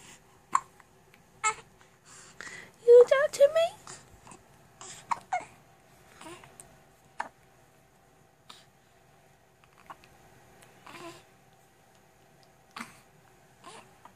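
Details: Baby with hiccups: short, abrupt hiccup sounds recurring at irregular intervals, with some babbling and quiet room noise.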